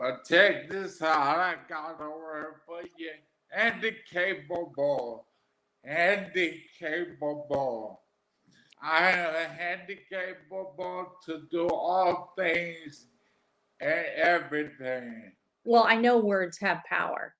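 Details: Adult man, 41, with aphasia after three strokes, the first at age 27 from an arteriovenous malformation, about 13 years earlier; garbled, paragrammatic speech; aphasia.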